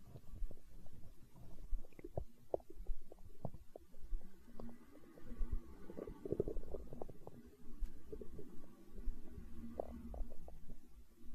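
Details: Hunger stomach growling recorded for ASMR: continuous low gurgling and rumbling with irregular bubbly pops, gas and fluid moving through the gut (borborygmi).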